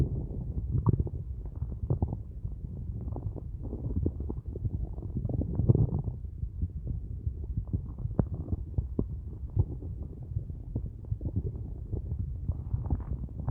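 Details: Adult's empty stomach after only a large cup of coffee all day, at day's end: continuous low gurgling and rumbling, hunger borborygmi.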